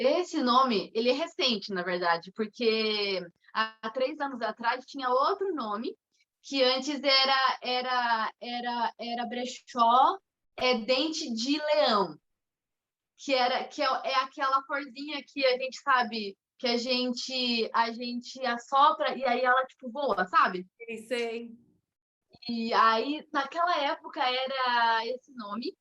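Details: Mild stuttering in an adult woman, with onset around age two and a half to three.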